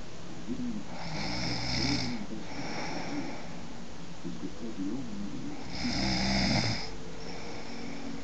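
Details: Woman snoring: two loud, rough, rattling inspiratory snores about a second long each, with quieter breathing between.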